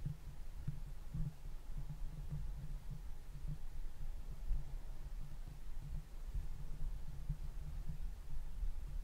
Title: ASMR HEARTBEAT listen my heart